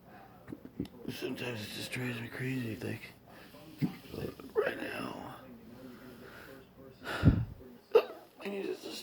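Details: Adult with intractable hiccups since December 2015, recorded around 4 AM, hiccupping every 1–3 seconds: abrupt gulping hiccups, some with a brief vocal catch, with room noise.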